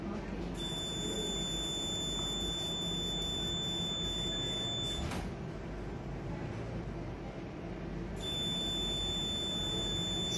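Steady high-pitched electronic tones with a rapid beeping pattern, pausing briefly, over room noise: a CO2 fractional laser firing during facial treatment.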